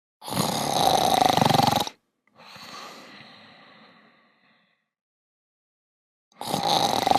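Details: Simulated snoring by shut-down robots in the animated show PJ Masks: a loud, rough, rattling inhaled snore, then a softer fading breath out, repeating; exaggerated cartoon imitation.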